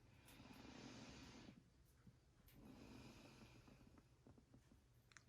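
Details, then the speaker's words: Normal breath sounds on lung auscultation of a patient taking deep breaths, stethoscope over the lower lobes of the anterior chest; listening for wheezing, crackles or stridor, none heard. "We are listening for any abnormal lung sounds."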